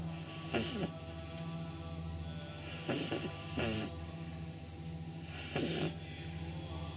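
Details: 9-week-old pug puppy asleep on her back with eyes rolled back: snorting, rattling snoring breaths about every 2.5 seconds over steady background music; recorded on a phone.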